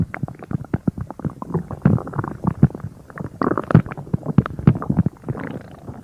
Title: Creator stomach rumbling